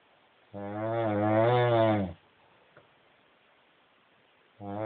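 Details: Adult woman snoring while asleep: loud, buzzing, droning snore lasting about a second and a half on the in-breath, recurring about four seconds apart.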